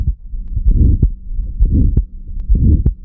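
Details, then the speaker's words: Pediatric auscultation teaching recording from a patient with aortic stenosis: regular heartbeat with an early systolic ejection click, then a rough rhomboid crescendo-decrescendo ejection systolic murmur starting after the first sound and filling most of systole. "Pues estos son los soplos e son soplos con esta forma romboidal y que no empiezan inmediatamente después del primer toro. Ponemos un ejemplo. Está sacado de un paciente perestosis aórter."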